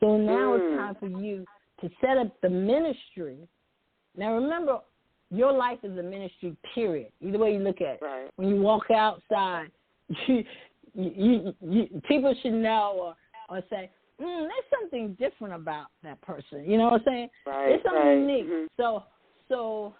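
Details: Adult woman who says she stutters sometimes, with part-word and word repetitions; stuttering.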